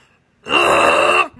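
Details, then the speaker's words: Owner imitates the loud choking of a lethargic pug with a crusty nose, which chokes after licking off ointment: one loud, harsh, strained groan under a second long. "lick it off and then he starts choking he does this really loud like"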